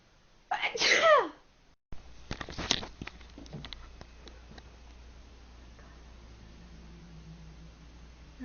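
One loud, forceful sneeze with a sharp burst of air, then a brief pause and quieter rustling and room noise.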